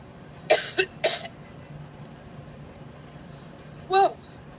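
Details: Adult speaker at an outdoor Labor Day rally in Cleveland, Ohio, during about 5½ minutes of coughing, joking of being allergic to Trump: a quick run of three dry coughs, then a fourth, over crowd noise.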